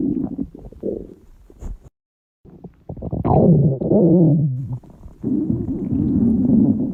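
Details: Stomach growling (borborygmi) from hungry girls: loud low gurgling and prolonged rumbling growls with a brief silent gap.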